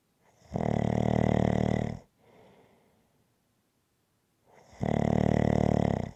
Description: ASMR Snoring Sounds. This is a 20 minute clip, followed by a long previously recorded clip.